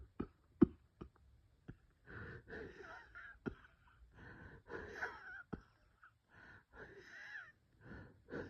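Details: Several short, sharp cough bursts between drawn-out, high-pitched musical whistling breaths: wheezing with cough from bronchospasm.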